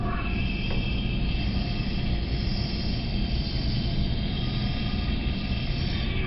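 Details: Pneumatic small volume jet nebulizer running, delivering albuterol and Atrovent in an instructional demonstration; steady loud hiss and low rumble.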